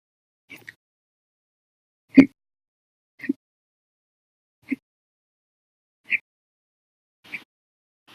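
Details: Hiccups (violent, loud, and silent) recorded after breakfast; another episode lasted 12 hours 30 minutes after lunch and a cup of soda.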